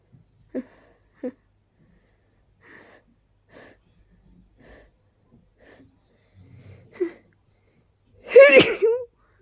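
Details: Allergy sneezing: small suppressed catching breaths in repeated build-ups while trying unsuccessfully to hold back, then one loud, forceful, unstifled sneeze.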